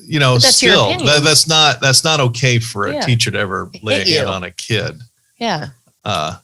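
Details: Adult speaker; typical speech.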